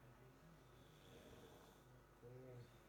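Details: Low, rattling snore with a louder burst near the end during sleep endoscopy in an obstructive sleep apnea patient, with very severe collapse at the oropharyngeal (soft palate) and hypopharyngeal/tongue-base levels and a jaw-thrust maneuver being performed.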